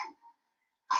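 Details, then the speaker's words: Cough in a child with a respiratory emergency: cough with difficulty breathing and reduced feeding, sleepless night, dullness and agitation/irritability; cough in asthmatic child. "So what we are seeing is cough with difficulty in breathing and feeding reduced."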